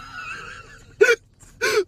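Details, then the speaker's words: Adult in a car with a severe bout of hiccups, the worst they've ever had: two abrupt, sharp voiced hiccups with sudden onset and quick cutoff, separated by silence. "the light in the car stinks I'm just using the I have the worst case of the hiccups I've ever had in my life oh shoot okay where's that water where's the water"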